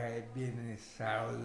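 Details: Imitated demonstration of dysarthria as in amyotrophic lateral sclerosis, from tongue weakness due to involvement of neurons controlling the mouth and throat: dysarthria (imitated).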